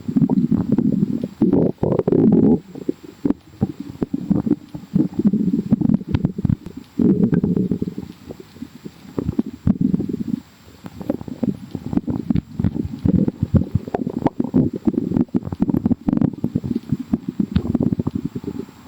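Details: Loud, continuous low gurgling and bubbling from the belly; stomach growling (borborygmi), a normal gut sound.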